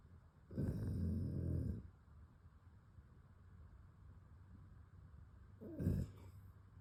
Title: SNORING DOG